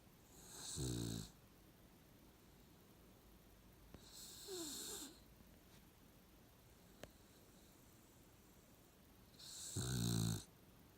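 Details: Sleeping Puggle dog giving three loud, rattling snores spaced several seconds apart, with quiet breathing between them; ordinary snoring.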